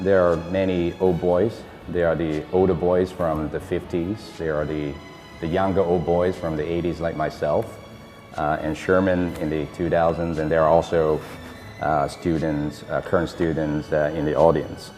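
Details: Adult man speaking; normal voice.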